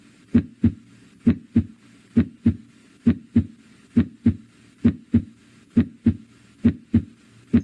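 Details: Normal heart sounds, from a teaching demonstration of auscultation at the aortic, tricuspid, mitral and pulmonary areas.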